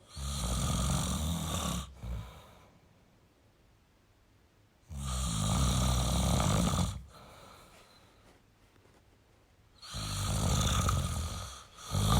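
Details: Male snoring: deep, rumbling snores on each in-breath with quiet pauses between, about 12 breaths a minute; ordinary heavy snoring.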